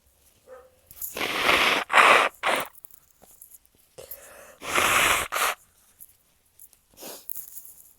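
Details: Induced sneezes from a woman: a run of short, sharp, hissing bursts of air in quick succession; repeated sneezing.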